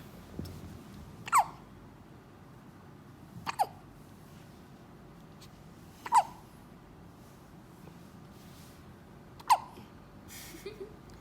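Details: Hiccups: four sharp, brief hiccup sounds at irregular intervals, about 13 a minute, in a quiet room.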